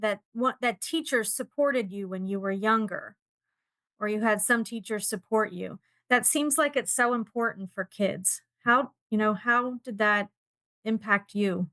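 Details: Adult woman speaking; fluent speech.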